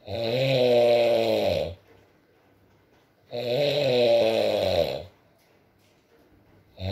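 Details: Adult man (boyfriend) asleep, ASMR recording with rain: loud, droning inspiratory snores about every three seconds, each over a second long, quiet pauses between, roughly 18 breaths a minute; snoring.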